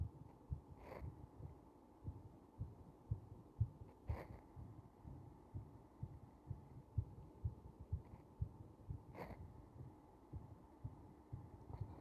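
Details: Slightly slow heartbeat recorded during compression: soft, regular low heart thumps at a slightly slow rate under a steady background hiss.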